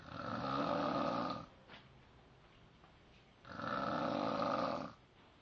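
Two loud, rough, rattling snores on breathing in, separated by a quiet pause, in a small room.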